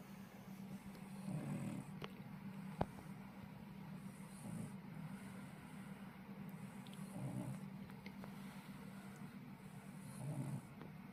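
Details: Sleeping French bulldog: soft, low rumbling snores recurring about every three seconds, roughly 20 breaths a minute, over steady room hum; snoring.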